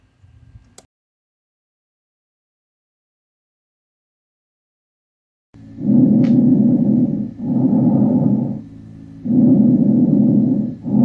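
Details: Bronchial breath sounds.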